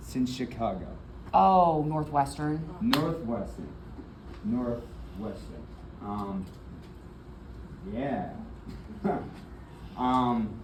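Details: Adult man with aphasia and apraxia of speech after a stroke in February 2024, with several further strokes. He was initially nonverbal, with right arm and leg impairment, and is still in speech therapy. Finding: aphasia with apraxia of speech.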